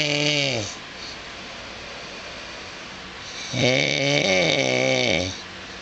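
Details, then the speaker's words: Adult man snoring at 2:24 a.m. while asleep; his wife recorded it because he denies snoring loudly. Two loud, harsh, rattling in-breaths with a vibrating buzz, separated by quiet: snoring. "I was sound asleep and it came in there started soring it is 2:24 in the morning and this is what it sounds like"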